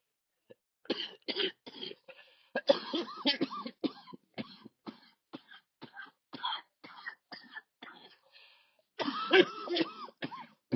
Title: Wheezing